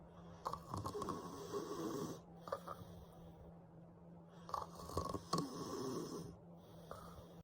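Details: Simulated text-to-speech snoring for a cartoon baby sleeping in a crib: soft, rough snoring noises in uneven bursts, with a steady low hum behind them.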